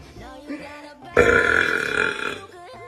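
A single long, loud voiced belch lasting over a second, with music and talk in the background.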